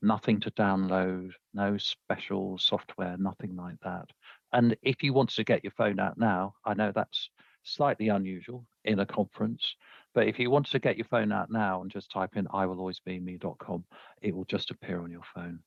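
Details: Adult male speaker; normal speech.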